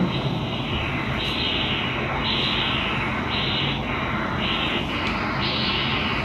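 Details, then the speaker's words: Non-imaging transcranial Doppler using the STOP protocol in a child with sickle cell disease, right side, at the 48 mm bifurcation starting point. Loud rushing whoosh pulsing about 60 a minute, with bidirectional flow and a double-sided waveform. "so we're at bation B so we foring back the bation is bir directional and that's your starting point"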